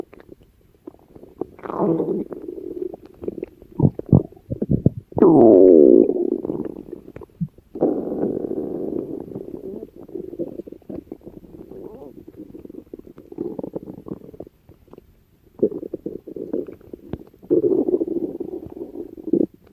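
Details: Red panda at feeding time: long rumbling, creaking stomach growls with short pops between them.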